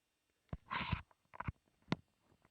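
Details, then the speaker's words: Old cat in palliative care with broken jaw bones, chewing while eating: quiet crunching and grating clicks, crepitus of broken bones grating together every time he eats. "producing the sounds of crepitus you know what traffic this is c-r-e-p-i-t-u-s It's the sound of broken bones grating against each other and that's what happens every time he eats"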